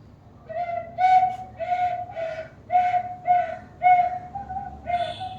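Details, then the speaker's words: Imitated pneumonia chest sound as heard through a stethoscope, demonstrated in a paramedical lecture: repeated high whistling tones, about nine in five seconds, like a whistle; wheezing from narrowed airways. "बस ऐसा वो आवाज सीटी की type आएगी, सीटी की type, ठीक है।"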